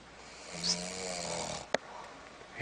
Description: cat snoring